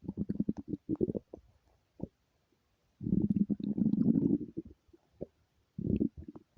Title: stomach growling with hunger